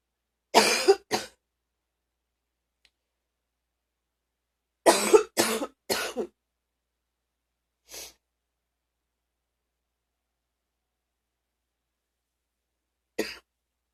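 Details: Deep cough during illness: deep, forceful coughs in clusters of two and three, about seven in all, in a quiet room; the person was very sick but has recovered.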